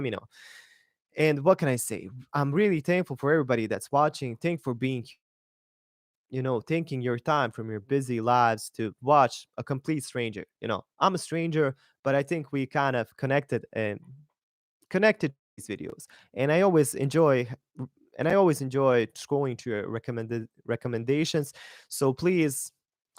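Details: Mild stuttering in an adult man, a non-native English speaker, during an unedited live stream.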